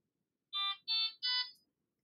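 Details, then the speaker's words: Three short descending electronic beeps from a Fresenius Kabi Amika ambulatory enteral feeding pump, heard when the On/Off button is held for 3 seconds after Stop; this is the normal power-off tone. "Lorsque l'administration de la nutrition est terminée, appuyez sur le bouton Stop. Éteignez ensuite la pompe à l'aide du bouton On/Off en le maintenant enfoncé 3 secondes."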